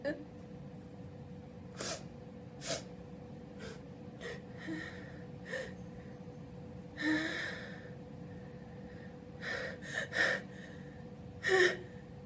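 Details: Adult alone at home sneezing loudly and openly: several voiced, wet, open sneezes spaced through a quiet room, with short gasping intakes before some; ordinary sneezing.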